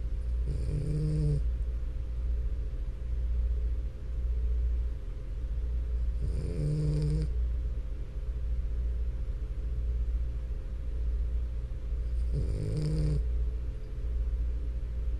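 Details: Sleeping French Bulldog: rumbling, snorting snores about every six seconds, roughly ten a minute, over a steady low hum; snoring.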